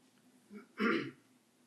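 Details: Adult man during a spoken religious discourse: a soft throat-clearing rumble followed by one short, harsh cough burst.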